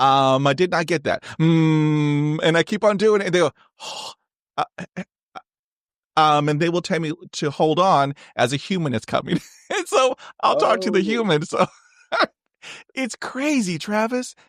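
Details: Adult man who has stuttered since age 5, with speech therapy on and off from grade school to college; finding: stuttering.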